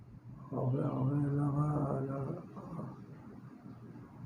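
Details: Adult man with aphasia after a left-sided hemorrhagic stroke with total right-sided paralysis; he could not speak and became agitated and aggressive, and after treatment (acupuncture) some words are returning; here he tries to answer when asked his name.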